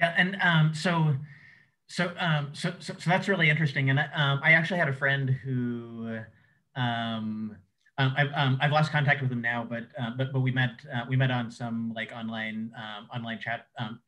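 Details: Adult male who says he has cluttering, a fluency disorder: cluttering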